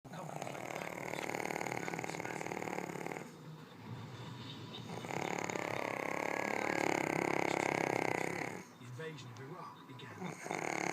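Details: Long, loud, rough snoring with quieter pauses from a sleeping person, who is then woken, told they are snoring really loud, and asked whether they were dreaming; snoring.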